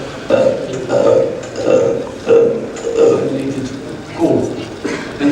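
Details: Six loud gulping belches, about one every second, separated by brief quiet gaps, from a patient recording shown in a lecture on belching, aerophagia, hiccups and rumination; repeated belching.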